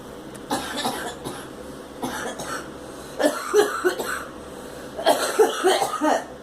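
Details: A girl coughs, giving several bouts of short, dry coughs in quick repeated bursts.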